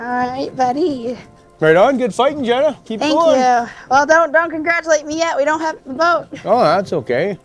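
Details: Adults talking outdoors; ordinary speech.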